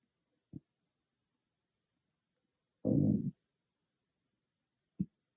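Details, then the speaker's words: Stomach growling recorded with an iPhone, no dedicated microphone: a short grumble, a loud half-second growl, then another brief one; ordinary bowel sounds (borborygmi). "Hey growlers, I just want you to see how loud my stomach could get with no ASMR microphone, just an iPhone um, audio."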